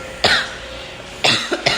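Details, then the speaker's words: Three short, harsh, dry cough bursts without rattle or wetness from a young girl admitted via the emergency room with fever, coughing most of the time for about two weeks, on IV fluids: a persistent dry cough. "I know I'm e praying that she will get better soon it's still cough this dry cough and coughing most cing most of the time you here tired and two week"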